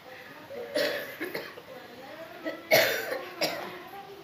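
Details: Three harsh, separate cough bursts with soft speech between, from a patient with a cough that has persisted for years without healing; chronic cough.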